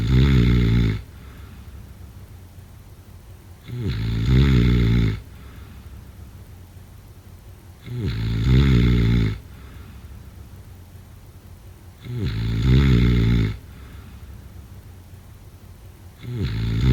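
Loud, rough, rattling snores repeat steadily with each breath, about 14 a minute, during sleep.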